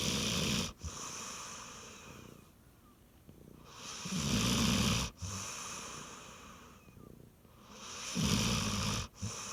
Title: loud snoring dog